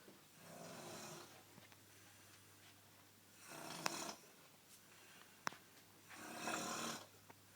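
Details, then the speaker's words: Adult man's snoring at 6:31 a.m., keeping his partner awake; shushing or moving him makes it louder. Three rough, rattling snores about three seconds apart, roughly 20 a minute, over low room noise. "um if you move or try and get to shush then it just makes loud louder it's louder and there nothing you can do about it"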